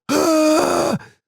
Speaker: So, I went back to bed and about 2 hours later, it happened again where I sound like I'm going like